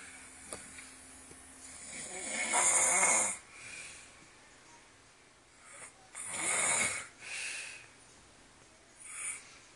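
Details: Loud snoring during sleep: rasping breaths recur irregularly, with quiet pauses between them.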